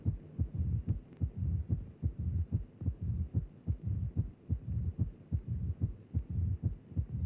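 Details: Mitral stenosis murmur with a loud first heart sound; the stenosed mitral valve creates a left atrial to left ventricular pressure gradient while the valve is open, and the murmur follows that gradient.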